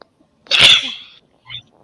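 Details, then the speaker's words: A single loud, explosive sneeze from an adult, likened to a cannon going off: a sharp hissing burst that fades over about half a second. "Sounds like a cannon going off. That sound like a cannon."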